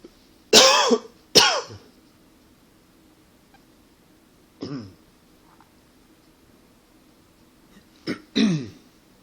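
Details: Two sharp dry coughs, then a softer cough and a paired cough-and-clear over about nine seconds; persistent tickly cough attributed to allergies and partly smoking; cough with throat clearing.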